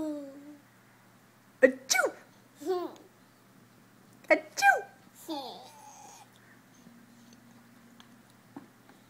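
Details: Small children playfully pretending to be sneezing monkeys give two pairs of quick, sharp sneeze bursts, each followed by playful vocalizing: sneezes.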